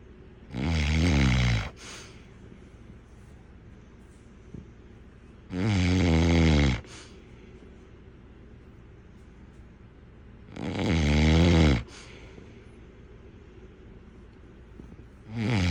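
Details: Heavy snoring in a sleeper, posted as a snoring health issue and tagged overweight: three loud, rattling in-breath snores, about 12 per minute, with quiet pauses between them.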